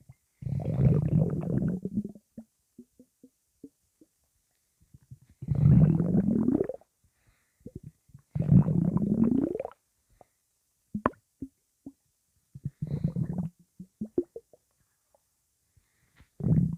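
Loud, low gurgling rumbles in long bursts with small bubbling pops between; normal bowel sounds.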